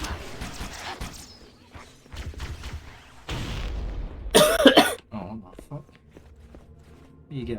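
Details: A harsh burst of coughing, part of a coughing fit, amid video game noise and chatter while playing Halo.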